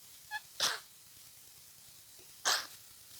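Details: Two sharp, hissing sneezes about two seconds apart, a faint breath before the first; repeated sneezing during a head cold with tickling nose, sneezing all day.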